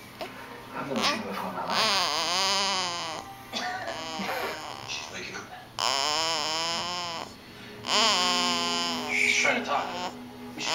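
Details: Repeated rising and falling wailing cries from a sleeping infant, who sometimes makes these noises while eating and is not actually snoring, with some background sound.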